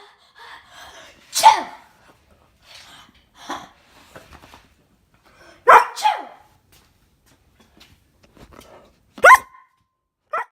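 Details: Reaction to sneezing, most sneezes faked by a person: three sharp, explosive sneezes with quieter snuffling sounds between them in a quiet room; sneezing.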